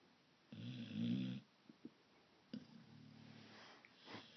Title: Sleeping dog snoring loud